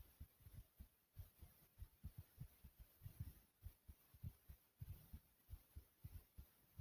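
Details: Heartbeat recorded after running in place: quick, strong, pounding beats at about 100 per minute; rapid heartbeat after exercise.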